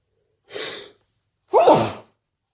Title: allergy sneezes